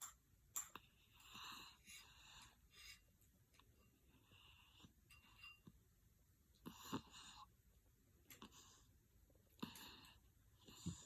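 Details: Dog ("baby GD") held on the lap for feeding, fallen asleep with eyes open: soft, irregular wheezy snoring breaths with faint room noise; snoring.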